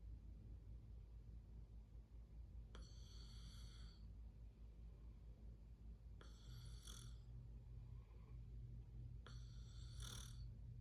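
Three hissing, snorting breath sounds about every three seconds over a steady low hum, consistent with snoring.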